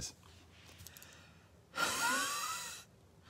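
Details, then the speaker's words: Wheezy breathing from a person who reports bronchitis and shortness of breath, says the noise is audible when breathing and that they are used to it. "this is what I have bronchitis and shortness of breath you can even hear it like when I it did I'm just used to it"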